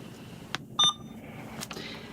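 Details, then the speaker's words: Alaris 8100 large-volume pump module, training demo: after opening the roller clamp and pressing start (0.9% normal saline at 50 mL/h, volume 450), a single short beep with soft clicks confirms the infusion started. "we're going to open our roller clamp and then we're going to press start"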